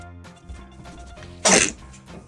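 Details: A clown performs a comic, simulated sneeze: a single loud, explosive sneeze over faint music and quiet talk.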